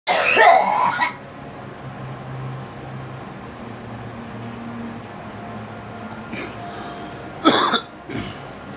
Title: Girl coughing